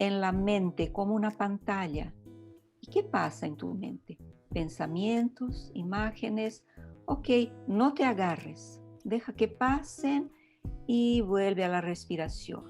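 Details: Adult woman speaking Spanish; ordinary speech.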